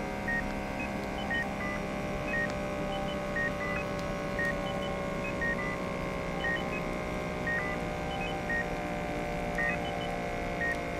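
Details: Hospital ward ambience: steady heart monitor beeps about once a second over a constant room hum, with occasional higher tones from a blood pressure machine.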